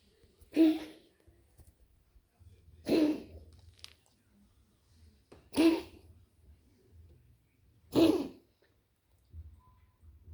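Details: Cough recorded on 29.10.25 at 13:30.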